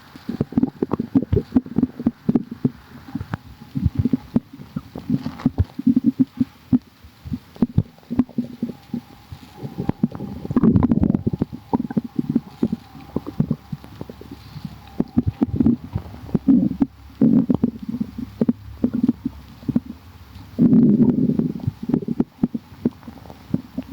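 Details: Soft, scattered gurgles and clicks from an adult stomach with a few louder rumbling bursts; ordinary bowel sounds, stomach growling.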